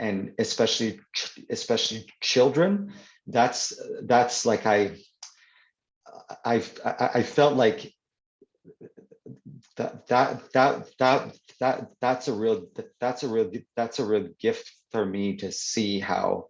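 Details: Adult man who stutters (stammers), speaking in an interview; word and phrase repetitions audible; stuttering.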